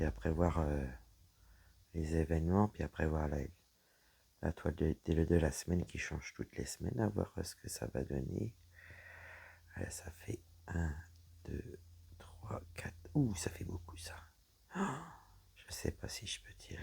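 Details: Woman whose vocal cords were damaged by a serious health problem; voice deeper than before, at times little voice, unable to speak loudly; low-pitched, rough voice; dysphonia from vocal fold damage.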